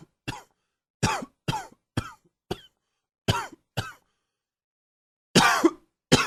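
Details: Repeated short dry coughs, about nine over six seconds, in clusters with pauses, attributed to seasonal allergies while everything is blooming; irritative cough.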